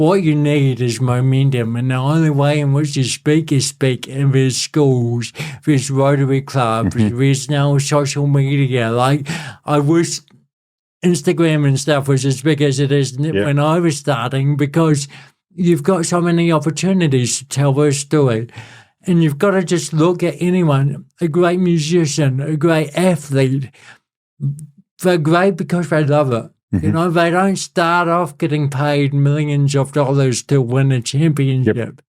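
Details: Adult male born with cerebral palsy, congenital and lifelong, who calls it a physical disability affecting how messages travel around his body and a speech impediment; real speech; dysarthria (cerebral palsy).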